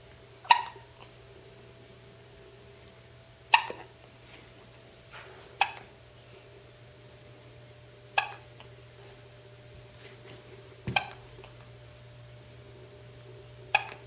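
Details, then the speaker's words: Eight-day-old baby boy with hiccups while being bounced by his grandmother: six sharp, abrupt hiccups at irregular intervals, about 25 a minute, over a steady room hum. "Let's do this the right way. Yeah, he's already got the hiccup stuff going."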